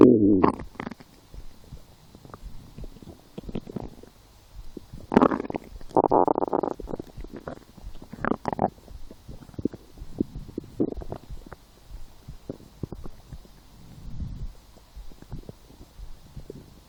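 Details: Hunger-related stomach growling (borborygmi) while lying down, after skipping breakfast, a small lunch, and two doughnuts four hours later: irregular gurgling and rumbling bursts with short squeaks and quiet gaps.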